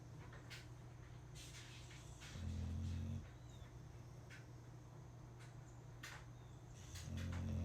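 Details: Boxer dog asleep: two long, low droning snores several seconds apart over quiet room noise; snoring.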